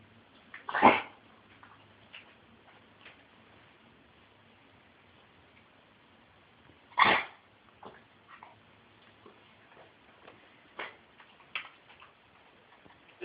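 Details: A dog gives two sharp, explosive cough-like bursts several seconds apart; kennel cough caught from another dog at the park, cleared after a few days of antibiotics.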